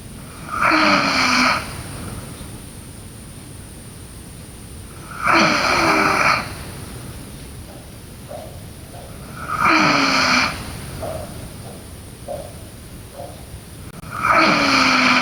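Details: A sleeping girl with regular rasping snores on each breath in, about 13 a minute, over steady room hiss: ordinary snoring.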